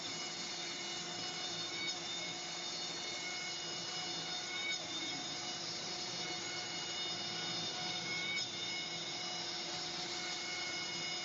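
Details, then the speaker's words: Dental dry mill milling zirconia with internal vacuum extraction, described as very accurate: steady high mechanical whine over a constant suction hiss. "so this is called a dry Mill and it's being evacuated the whole time it's got a like a vacuum cleaner inside to capture all the bits and pieces but it's really deadly accurate"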